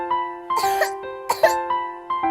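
Two acted adult coughs, short and harsh, over soft piano music.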